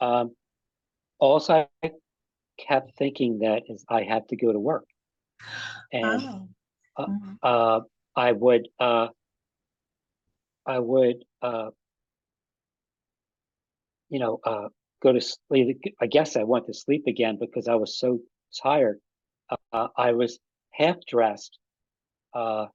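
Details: Adult man with aphasia after an ischemic stroke that occurred together with a heart attack about five and a half years earlier; still has trouble with names and word tenses.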